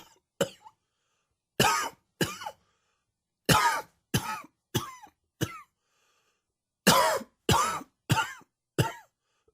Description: Another allergy induced coughing fit.